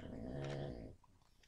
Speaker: if you hear that snoring that's my pugs sorry they're my babies